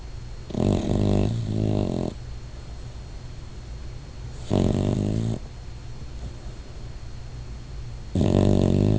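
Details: Sleeping, dreaming dog snoring: low, rumbling snores in bursts every few seconds over steady room noise.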